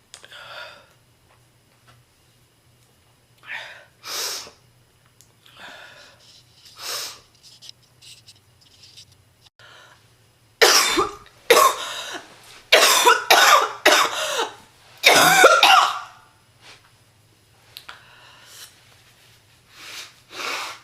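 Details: Heavy smoker, female, acutely sick: repeated harsh coughing bursts building into a rapid, forceful run of coughs; real, not acted, smoker's cough.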